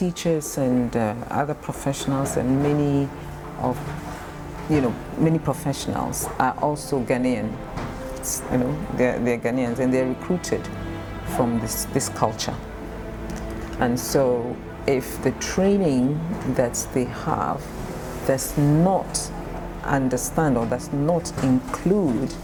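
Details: Ghanaian professional who stammers; stammering.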